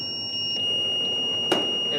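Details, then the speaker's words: Shock delivery tone from a Zoll crash-cart defibrillator in manual mode, charged at 200 J during ACLS provider training: continuous high-pitched alarm tone, then a brief dull thud as the shock is delivered after pressing the shock key. "what we just did is we are out of the automatic mode now we press those shock keys"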